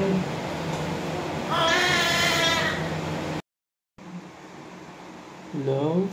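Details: Newborn just after a normal vaginal delivery: a strong, high-pitched wail with room noise, a brief silence, then the start of another cry; healthy cry after birth.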